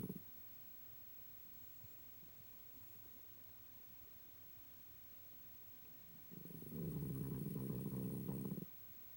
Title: Biscuit snoring 12/24/18